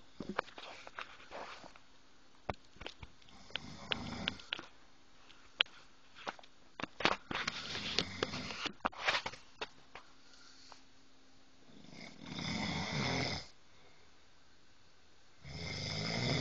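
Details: Long, harsh, rattling snoring breaths from a sleeping man, preceded by clicks and sniffs.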